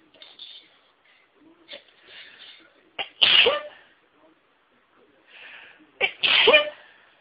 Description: Was already feeling incredibly sneezy but listening to wavs got me sneezing